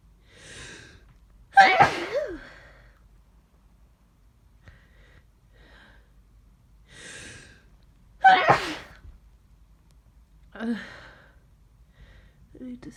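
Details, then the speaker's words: Person with aches, sore throat and headache, suspecting a cold or flu, sneezing all morning: two forceful sneezes each after a sharp indrawn breath, then a sniff; repeated sneezing. "I've been sneezing like this all morning. I don't know. What's wrong with me? I need. I think I'm getting sick."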